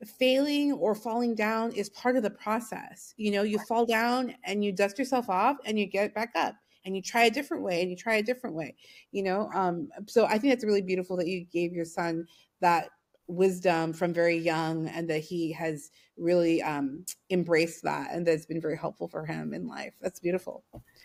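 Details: Adult woman speaking; normal speech.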